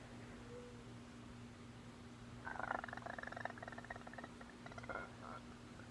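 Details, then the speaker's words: Painful, loud, rapid bubbly gurgling from the chest up to the throat after eating, not a burp, lasting about 30 minutes after meals, in a patient after vertical sleeve gastrectomy (VSG); esophageal gurgling. "so it's not a burp it's like a gurgling or digesting sound or something but i haven't been able to eat anything today without pain and these noises happening"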